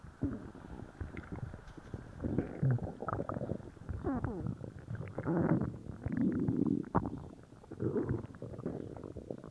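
Continuous low gurgling and rumbling with bubbly squeaks and churning bursts: loud, active stomach growling after a laxative.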